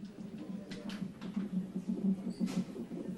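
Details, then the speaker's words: Fetal heartbeat on a fetal monitor, rapid soft whooshing pulses at roughly 115 a minute, in a pregnancy with twins (a boy and a girl) near delivery. "you hear that heartbeat isn't that fantastic there they are in there"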